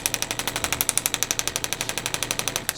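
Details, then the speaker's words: Radial shockwave therapy on an adult triathlete's left knee, lower central area, low-level pain for a couple of years; intensity reported around 5–7 out of 10. Rapid, even mechanical clacking at about ten pulses a second from the shockwave device. "what Shockwave is aiming to do is we're kind of disrupting some of the tissue in this area that might have healed poorly and giving it a chance to um be better the second time around and that alleviates a lot of pain"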